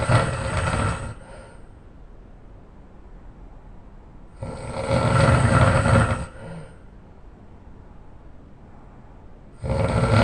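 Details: Very loud, deep, rumbling snores on the in-breath, about one every five seconds, with quiet exhalations between; heavy snoring in an adult man.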